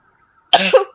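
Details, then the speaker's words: After quiet, one sudden explosive voiced burst under half a second from an adult during a tabletop game session; a single sneeze, followed by "bless you". "you're going to get get away your position if you keep sneezing"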